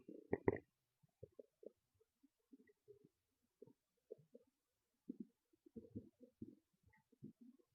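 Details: Loud stomach growls and gurgles: scattered low gurgles and short rumbling bursts in a quiet room; ordinary bowel sounds from normal bowel activity.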